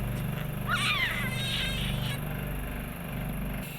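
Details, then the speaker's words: Baby being weaned off bubble CPAP, prongs replaced with 2 L/min oxygen, then nostrils and mouth suctioned: steady motor hum with gurgling, slurping suction as secretions are cleared. "you can now suction the nostrils to make sure they are clear"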